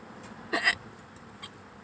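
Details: Hiccupping in a parked car while hungry, before eating: short, sharp hic sounds with a quieter second catch a second later; hiccups.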